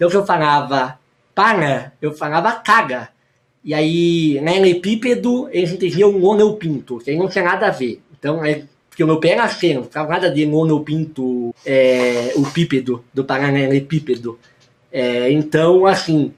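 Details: Hypernasal speech from congenital velopharyngeal incompetence with normal vocal cords: very late speech onset, about eight years of childhood speech therapy, a palatal expander, and surgery not possible.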